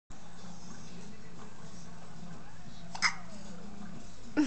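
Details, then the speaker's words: Baby aged 11 weeks 4 days (girl) with hiccups: two abrupt hiccups over constant background hum and faint music. "You silly hiccups. Silly girl. That's silly."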